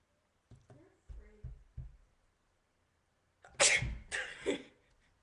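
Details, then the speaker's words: Repeated sneezing set off by salt and vinegar popcorn: a few soft catching breaths, then two forceful sneezes. "I'm gonna do another sneezing video. I found out that salt and vinegar popcorn mix makes me sneeze, so let's try this."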